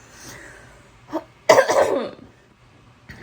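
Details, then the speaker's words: Adult with a cold starting within the last four hours, cough persisting four hours with sore throat, inhaler already used; a throat clear then one strong, harsh cough, recorded without a proper mic; acute cough. "I went downstairs I had some food I started coughing and the cough hasn't gone away it's been like 4 hours and now my throat is sore"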